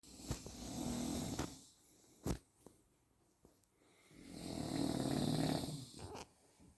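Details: A man snores on a sofa (titled "covid edition"): loud, low, rattling snores on breathing in, separated by quiet pauses with a few sharp clicks.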